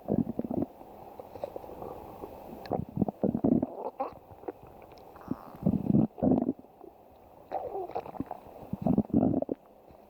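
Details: Irregular low gurgling rumbles in bursts over about ten seconds; normal stomach growling (borborygmi).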